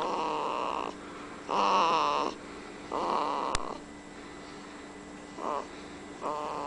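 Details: Irregular voiced, snorting breath noises, about three to four within a few seconds, from a one-month-old baby recorded at 30 days of age; snoring sounds during sleep.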